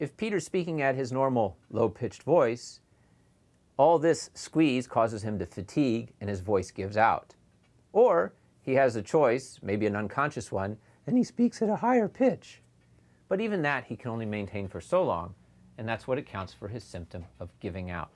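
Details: Adult male speaker; normal speech.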